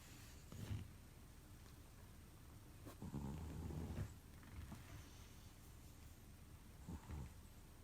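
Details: Sleeping cat, overweight, whose snoring sounds human-like: quiet, low rumbling breaths with soft snore-like bursts at irregular intervals; snoring.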